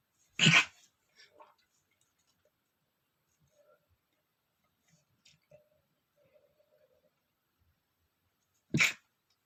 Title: sneezing male #11 (stiflied sneeze)